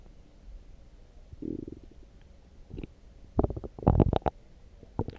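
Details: Stomach growling after drinking coffee: loud, irregular gurgling and rumbling bursts from the abdomen (borborygmi).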